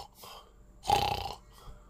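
A single loud, rough, rattling snore-like noise, imitated by an adult who has sleep apnea.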